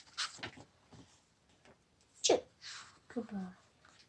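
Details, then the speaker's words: An acted sneeze in a storybook reading of Elephant & Piggie's "Pigs make me sneeze!": quiet storytelling voices, then one loud sneeze burst and a short breathy follow-on. "I do not know I a I cannot stop a sneezing oh no what if what if what if Pig oh true what if you try to these more softly"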